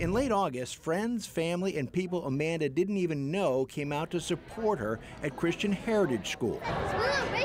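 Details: Adult news reporter; typical speech.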